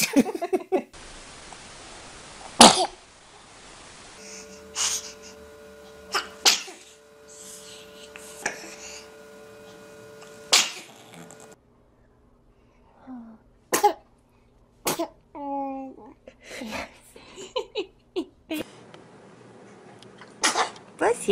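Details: Several sharp, explosive bursts from babies, adult voices saying "bless you" between them; infant sneezes.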